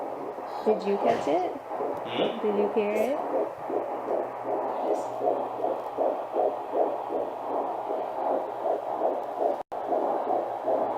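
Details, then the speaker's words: 16 weeks pregnant, first prenatal heartbeat check: handheld Doppler found it close to the mother's hip after searching; rapid, regular whooshing pulses at roughly 150 beats per minute: fetal heart tones on Doppler. "she struggled to find it she was looking in everywhere ended up finding it really close up to my hip"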